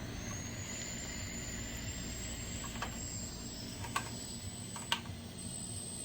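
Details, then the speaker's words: A dental assistant cleans the suction lines with solution and water, a routine done twice weekly and after extractions: a steady rushing hiss with a thin high whine and a few faint clicks of the dental suction running. "now I'm just cleaning my suction lines with solution and water so I like to do this twice a week and then if I do any extractions or anything like that I would do them right after the extractions"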